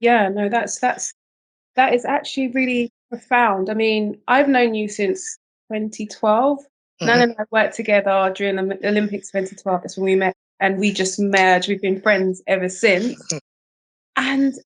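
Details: Adult speaker, likely a woman, conversational; ordinary speech.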